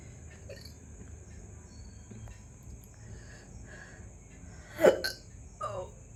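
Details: Quiet room, then a sudden short voiced catch and a smaller second one: hiccups that began suddenly after eating a big luchi, with gurgling felt in the throat.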